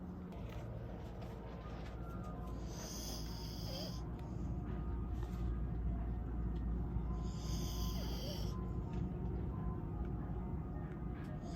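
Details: Sleeping bull terrier snoring: a low steady rumble with two rough, fluttering snorts on the in-breath about four seconds apart.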